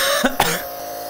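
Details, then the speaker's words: Adult pharmacist inhaling 7% hypertonic saline from a nebulizer gives two short, sharp coughs close together, feeling chest mucus loosening; an irritant cough from the salty mist. "So, whenever I cough, of course, I could feel the gunk coming out of my chest. However, this is a little bit irritating."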